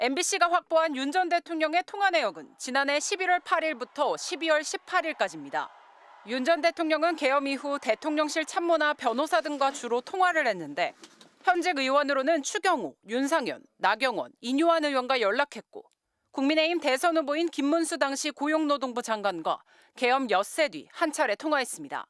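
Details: Adult news narrator; normal voice.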